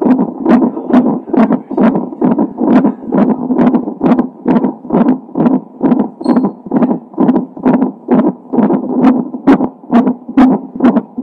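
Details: Doppler recording of fetal heart sounds a few hours before birth, in a baby with Down syndrome: rapid, regular whooshing heartbeat at about 133 beats per minute, within normal fetal range.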